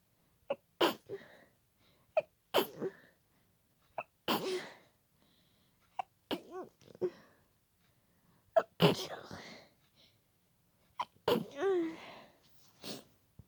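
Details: About seven sharp, muffled sneezes in a row, each with a quick inhale before it, after a building nose tickle, suppressed so as not to disturb someone sleeping in the room: stifled sneezing fit.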